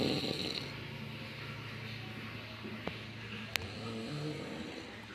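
Low, steady rumbling snore from a sleeping adult, with faint room noise and a couple of brief clicks.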